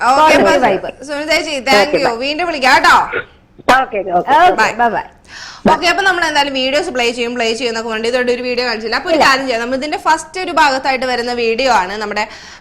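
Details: Adult woman speaking, radio-style studio; normal voice.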